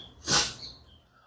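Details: A single sharp, hissing sneeze from an adult, then quiet, recorded during a boxing workout session.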